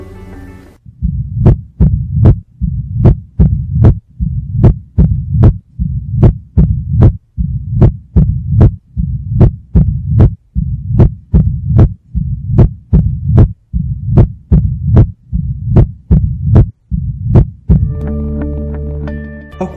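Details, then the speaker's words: Regular heartbeat with sharp clicks and a continuous low-pitched rumble between beats, then brief music: a mid- to late-diastolic mitral stenosis murmur, best heard at the apex in left lateral decubitus, possibly preceded by an opening snap. "Por antonomasia, el soplo mesodiastólico o telediastólico típico es el originado por la estenosis mitral. Este soplo se ausculta mejor en el foco apical y en decúbito lateral izquierdo. Tiene un tono grave y puede estar precedido de un chasquido de apertura."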